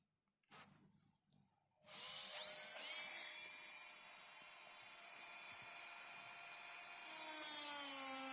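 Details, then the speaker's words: High-speed dental handpiece doing multiplanar occlusal reduction of the mesiolingual cusp, mesial slope, on a typodont mandibular first molar (#36) for a full veneer crown: a few quiet clicks, then steady high whine dropping slightly under load. "So we have completed the mesial slope reduction for the mesiolingual cusp. Now we will do the distal planar reduction."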